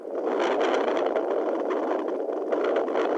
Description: This is what I hear on my fetal doppler